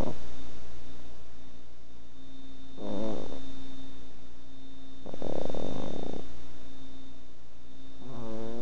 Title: Snoring puggy